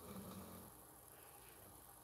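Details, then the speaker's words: Female pet dog asleep: a faint, low rumbling snore followed by quiet room noise; ordinary dog snoring. "guys hear my dog snoring she just not stopped she just snapped yeah yeah"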